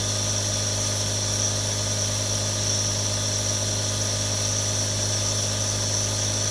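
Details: Real nebulizer, one of three recorded: constant mechanical hum and hiss without breaks, the steady drone of a compressor running.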